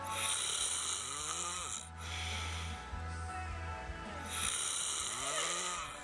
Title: Snoring is funny